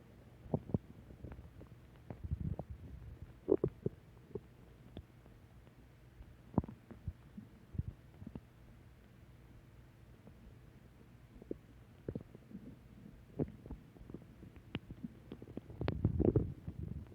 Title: Return of stomach growl 4